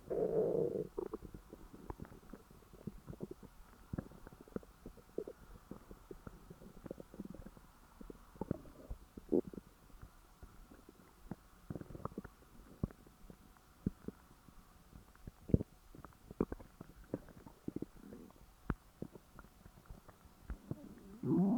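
Quiet continuous gurgling and bubbling with frequent small pops and rumbles; active stomach growling.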